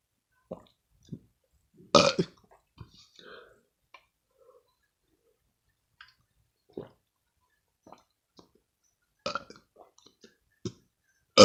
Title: drinking milk & burping